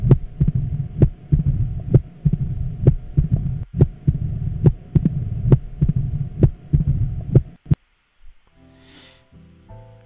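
Regular heart sounds at about 65 a minute, each cycle with sharp clicks and a low rumbling sound filling the pauses between beats. This is mitral stenosis: an opening snap after the second sound gives a gallop-like rhythm, followed by a low diastolic rumble as blood passes the narrowed valve.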